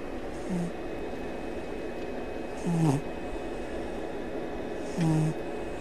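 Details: Short, snorting snores about every two to three seconds from a sleeping female English Mastiff lying with her kong and bones; she wakes during the recording.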